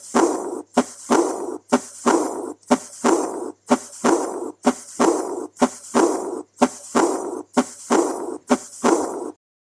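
Regular heartbeat about 62 a minute; a blowing sound starts right after the second heart sound and fades away: early diastolic aortic regurgitation murmur.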